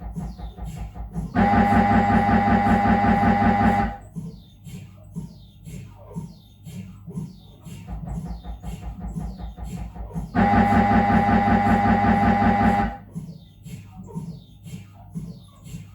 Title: 🧲🔊 Dont be afraid of MRI - Sounds in normal head examination | Siemens Magnetom Avanto 1.5T MRT